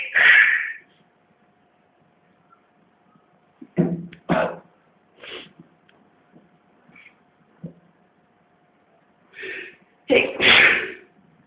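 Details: Twins sneezing: several sharp sneezes from two people, with quieter sniffs and breaths between them and a faint steady hum behind.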